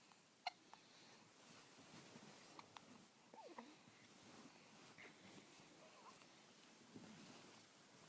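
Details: A baby girl lying in bed after her morning feed with hard hiccups: a few brief, sharp catches in her breathing in a quiet room.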